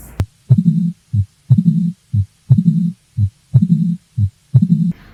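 Regular heartbeat at about 60 a minute with a rough whooshing murmur following each first heart sound.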